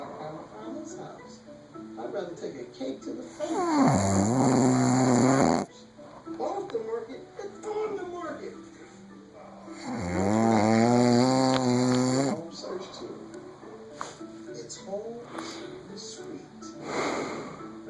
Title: Yes honey you snore - this isn't even the loudest